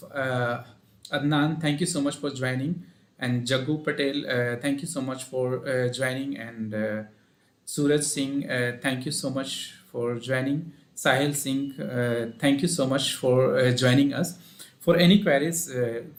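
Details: Adult male speaker; normal speech.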